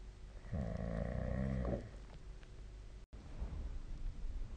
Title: 🐽 本日のイビキ / Snoring Sleep Sound 2025/04/19